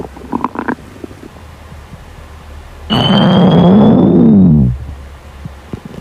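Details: Hungry girl's stomach growling: a loud, drawn-out gurgling growl of about two seconds with softer gurgles around it; hunger borborygmi.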